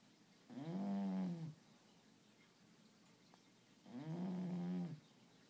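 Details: Two deep, rumbling snores from a sleeping bulldog, 5-month-old puppy or 1-year-old, napping together, each about a second long, separated by quiet breathing.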